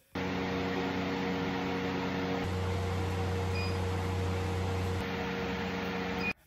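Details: Steady loud machine hum with fan-like whir and low drone shifting pitch midway: an advanced diode laser hair removal device treating an adult man's whole body.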